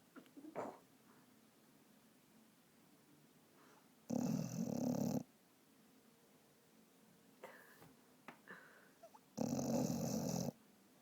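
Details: Vizsla dog asleep and dreaming: two loud rasping snores about five seconds apart with quieter snuffling between; snoring.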